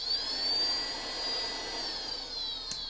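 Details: Homemade low-cost open-source Arduino ventilator in BiPAP mode, blower oscillating between speeds up to about 20 cmH2O: steady high-pitched whine rising, holding, then falling in pitch.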